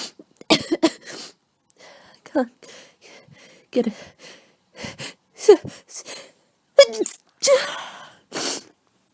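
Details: Adult with a cold, tickling nose, repeatedly says they can't stop sneezing: a run of sneezes in close succession, each with a gasping intake before the burst and short vocal sounds between; repeated sneezing.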